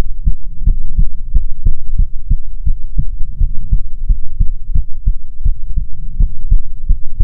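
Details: ASMR heartbeat recording: steady paired low thumps at roughly 85 beats a minute over a soft hum; a regular, normal heartbeat.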